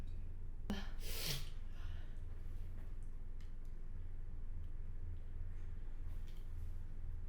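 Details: One sharp sneeze after a quick intake of breath, from a person who reports long-standing rhinitis and allergies, including house dust.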